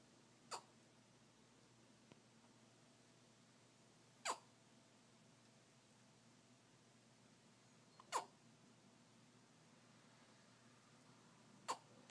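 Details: Sleeping baby hiccuping: four brief, sharp hiccups about every four seconds over quiet room hush.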